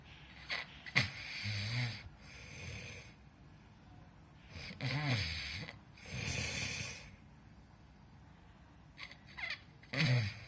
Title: Snoring Captured I Feb 2018